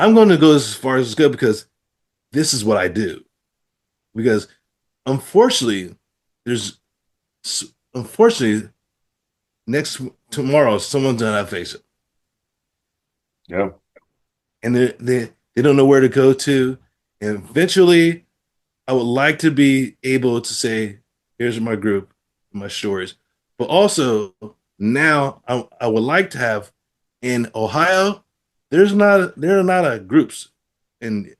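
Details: Adult man with aphasia after a stroke, practicing with app-based speech therapy; aphasia.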